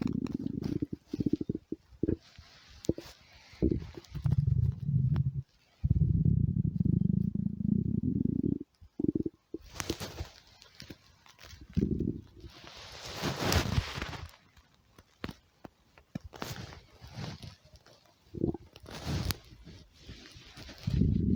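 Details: Low, drawn-out gurgling rumbles from an adult woman's stomach, a normal growl linked to hunger: stomach growling (borborygmi).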